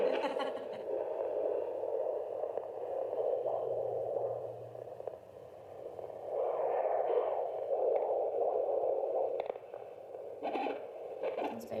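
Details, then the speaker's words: Fetal heartbeat heard on handheld Doppler early in pregnancy, during a student midwife's clinic check where the tiny baby's heartbeat might not be found: rapid whooshing pulses through steady static, "the most clear heart ever". "that's the most clear heart ever"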